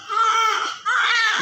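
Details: Two loud, sustained wailing cries with a brief breath between them from a newborn with vernix during cleaning with oil: a normal, vigorous newborn cry.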